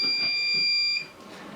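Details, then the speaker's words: Tecotherm Neo neonatal cooling machine power-loss alarm, training demonstration: steady high-pitched electronic tone stopping abruptly as power is reconnected, leaving quiet room noise. "if you lose power with your machine you'll get a further alarm what you need to do is we connect your power"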